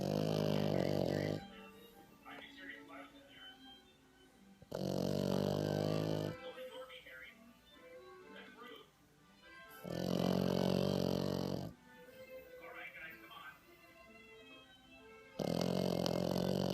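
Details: Sleeping 5-month-old French bulldog puppy snoring: loud, buzzing snores lasting one to two seconds, about every five seconds, with television talk and music in the background.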